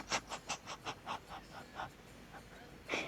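Quick, rhythmic breathy panting, about four pants a second, fading out; cartoon soundtrack effect.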